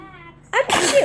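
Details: Baby sneezing: a single quick, sharp infant sneeze after a short breath in, with faint music behind.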